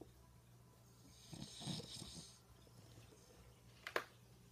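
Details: Snoring in a father (adult man): a single soft, rough snore on a breath, then a brief sharp snort, over a steady low room hum.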